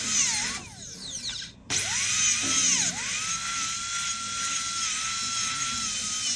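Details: Dental drill removing old tooth-colored composite filling before diastema closure restoration using a silicone index: high-pitched whine rising and dipping as it cuts; faint background music.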